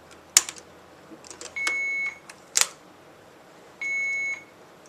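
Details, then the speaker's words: Demonstration of an Alaris PC IV pump running normal saline. An occlusion alarm sounds, signalling a blocked line: two sustained high-pitched beeps with clicks and button presses as it is silenced. "if it says occluded remember the silence button check your line it'll pop"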